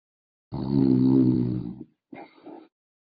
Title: snoring like teenagers